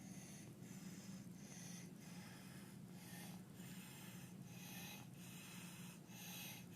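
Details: Infant with laryngeal dyspnea (breathing difficulty from the larynx) producing stridor.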